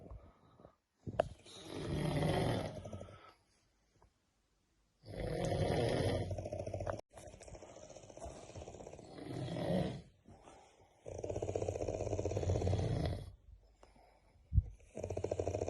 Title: SNORING LIKE HELICOPTER SOUND#గురక